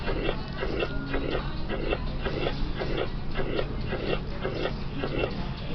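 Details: Regular heartbeats with a uniform, holosystolic, blowing systolic murmur at the apex, typical of mitral regurgitation from a leaky mitral valve.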